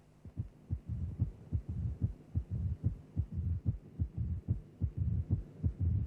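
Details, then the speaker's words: Heart sounds from a cardiac auscultation teaching programme: a loud first heart sound and a mid-diastolic murmur of mitral stenosis, which follows the gradient between left atrial and left ventricular pressures while the mitral valve is open. "Stenosis of the mitro valve gives rise to a gradient between the left atrial and left ventricular pressures when the mitro valve is open."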